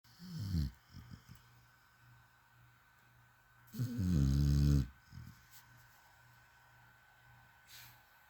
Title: Crock snoring #comedy #funny